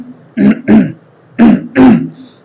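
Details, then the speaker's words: Mild cough with a tickling, scratchy, itchy sensation in the throat: four short, voiced throat-clearing hacks in two pairs, in a quiet room. "Mild कफ में खांसी जो होगी उसमें tickling sensation होगा टिकलिंक का मतलब की गले में जैसे कुछ खराश टाइप की हो गई है"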